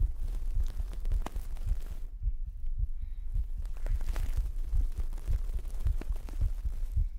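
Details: Pre-recorded heartbeat played as an ASMR trigger, recorded with a 3Dio binaural microphone: soft low thumps, roughly 110 a minute, under steady hiss and rustle; normal heartbeat.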